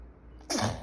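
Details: Infant on day 135 after a brief quiet moment gives a single sharp, noisy burst that ends quickly: a small baby sneeze.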